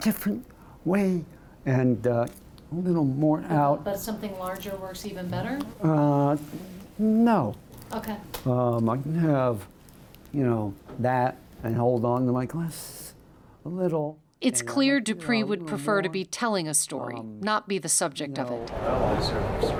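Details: Adult male with segmental dystonia of the voice box, tongue and lips (spasmodic dysphonia with oromandibular/lingual dystonia), tongue thrusting during speech, onset about two years earlier; speaking after Botox injections into the tongue, with results no better.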